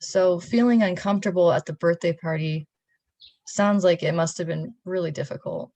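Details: Adult clinician, acted role play; fluent speech.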